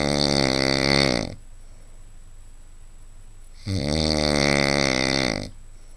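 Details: Adult man snoring: two long, loud, rattling snores on breathing in, separated by a quiet pause.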